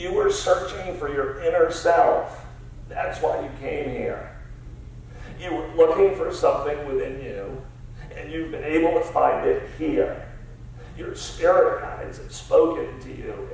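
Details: Adult male CEO diagnosed about seven years earlier with spasmodic dysphonia, a rare neurological disorder affecting only speech with no known cause or cure; treated with periodic Botox injections; lacks consistent, comfortable use of his voice; spasmodic dysphonia.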